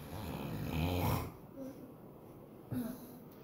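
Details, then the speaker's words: Father snoring, a girl startled by it; one loud, rough, rattling snore, then quieter breathing, with faint music behind. "Qué chistoso asustada el ronquidos de papá ahorita ahí como ronca ella va a ver qué onda"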